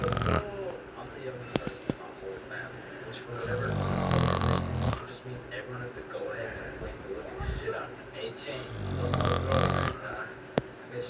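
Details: 12-year-old Latino lying on his back with his mouth open, recorded by his younger sister: loud, rough, rattling snores on inward breaths over steady room noise and faint background talk.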